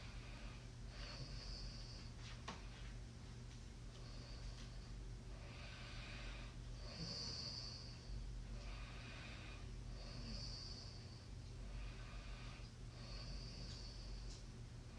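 Soft, repeated snorting breaths over steady low room hum, roughly every three seconds: quiet snoring during sleep.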